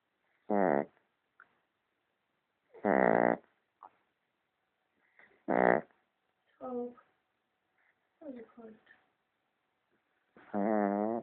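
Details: Loud buzzing snores with softer squeaky whistles between them, roughly one every few seconds, irregular; snoring during sleep.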